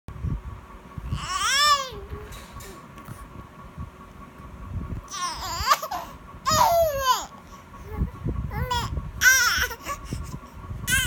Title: Cute baby crying on seeing strangers face